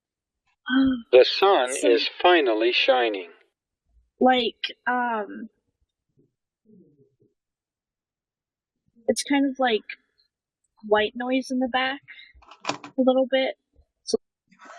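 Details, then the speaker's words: Simulated cochlear implant hearing: short speech phrases, later ones flatter and buzzier, modulated to match what a girl with a cochlear implant hears versus her normal ear; white noise reported; pitch hard to perceive. "근데 이제 인공와우 들리는 소리가 어떤지를 좀좀 알아보고 싶어서 이제 건에서 들리는 소리 를 정상적인 소리를 들려주고 이거 여기서 들었을 때는 어떤 거랑 제일 비슷해라고 이제 변조된 소리를 가지고 계속 이제 찾아보는 거거든요"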